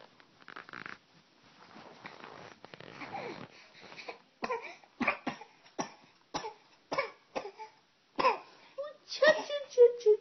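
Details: A child deliberately fakes coughing to draw his mother's attention, giving a run of about nine short, forced coughs after quiet background sounds; voluntary cough.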